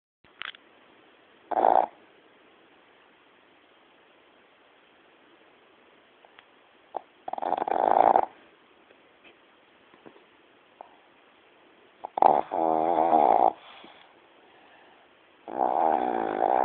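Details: Snoring: irregular rattling breathing sounds in bursts with quiet gaps between.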